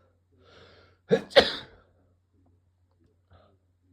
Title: Induced cold sneezes